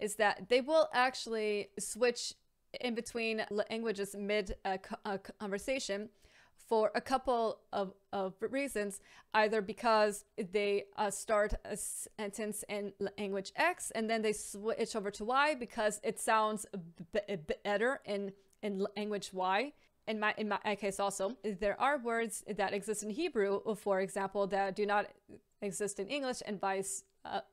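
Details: Adult woman with a lifelong stammer, bilingual in English and Hebrew; stuttering (stammer).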